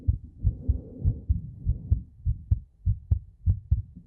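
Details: Heartbeat in an ASMR talking roleplay recorded with a 3Dio Pro binaural microphone: steady low thumping at about 100 beats a minute, paired beats audible, faint background hum.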